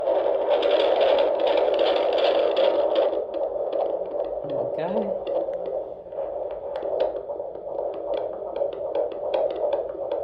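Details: Fetal Doppler at 20 weeks and 2 days of pregnancy: rapid, rhythmic whooshing pulses over steady Doppler hum, about 150 a minute, a fetal heartbeat.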